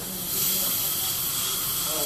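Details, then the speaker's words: Dental air syringe blowing a steady, loud hiss of air onto a tooth after conditioner is applied and before light curing, during a laser tooth-coloured filling done without a drill or anaesthetic shot. "thank you sir I'm gonna blow a little bit of air on here"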